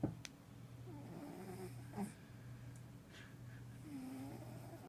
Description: Caught my kitty sleeping and snoring!